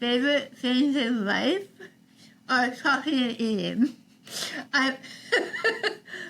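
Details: Adult woman with articulation disorder after partial glossectomy for stage 4 tongue cancer: over half the tongue removed and rebuilt with a forearm graft, plus neck dissection and six weeks of radiation and chemotherapy; some listeners cannot understand her.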